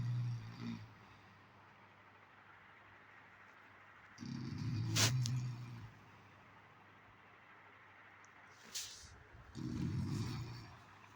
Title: My Daily Issue 4 #sleep #snore #stop #irritation #sleepless